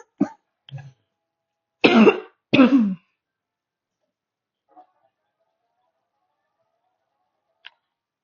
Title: Sorry for the coughing I am sick right now enjoy